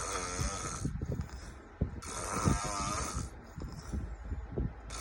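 Loud, fluttering, rattling snores over a strong high hiss; snoring.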